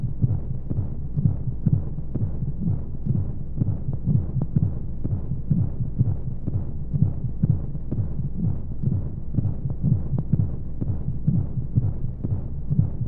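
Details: Womb sound played as a baby sleep aid: muffled, steady low thumping at about 125 beats a minute with regular rhythm under a constant whooshing hum of white noise and flowing sounds; heartbeat.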